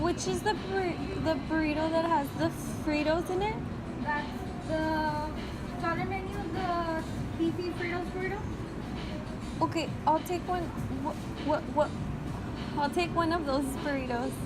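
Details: Simulated stuttering: a student without a stutter pretends to stutter, with word repetitions, while ordering food in public for a class project.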